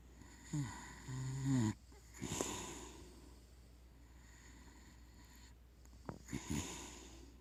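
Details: Sleeping pet pig snoring: low, rough grunting snores and snorts in irregular bursts with quiet stretches between.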